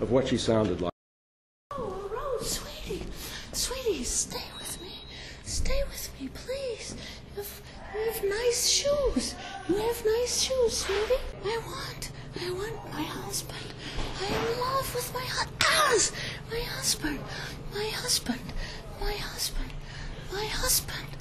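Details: Woman with dementia diagnosed at age 53, type undetermined (Lewy body, frontotemporal or Alzheimer's), recorded soon after moving into assisted living while still able to walk; fragmented, repetitive speech in advanced dementia.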